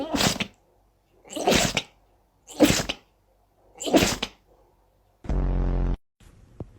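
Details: Dogs sneezing: four short, sharp explosive nasal bursts, followed by a brief unrelated tone and noise.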